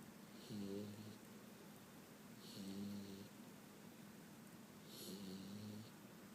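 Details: Penny, a 5-month-old Boxer dog, asleep after a trip to the dog park: soft buzzing snores at about 28 a minute over steady room hiss; snoring during sleep.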